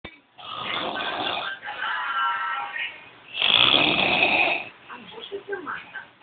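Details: Very loud snoring that keeps the listener from sleeping: loud, rough, rattling breathing sounds in long bursts with brief pauses; heavy snoring.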